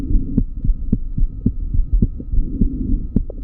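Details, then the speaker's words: Child's heart with two clear, regular normal sounds per beat at about 110/min, with the child's breathing audible; normal heart sounds. "Pues aquí los dos tonos son dos tonos normales, ¿vale? El segundo tono eh se produce por el cierre de las válvulas aórtica y la válvula pulmonar."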